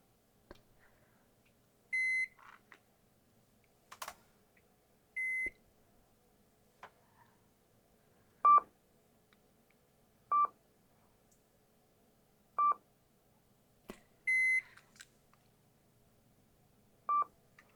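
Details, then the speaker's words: Simulated ASMR role-play hearing test, not a real exam: short pure-tone beeps at two pitches, irregularly spaced several seconds apart, sometimes in both ears and sometimes in one, with faint clicks. "You're going to be hearing some beeps, sometimes in both ears at the same time and sometimes one at a time."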